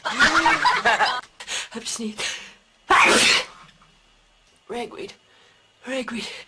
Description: Funny people and animals sneezing!